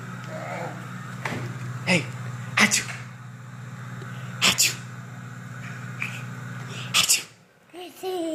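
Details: Child sneezing, recorded September 2015: several short, sharp sneezes over a steady background hum, followed by adult speech.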